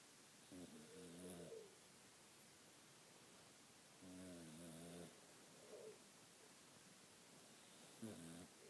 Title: Sleepy kitty Bee snoring